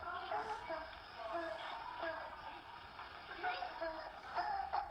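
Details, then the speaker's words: Child with croup: repeated harsh, high-pitched noisy breaths on inspiration, inspiratory stridor, alongside a metallic, barking cough described as characteristic of viral croup. "se escucha el estridor que tiene el niño al inspirar."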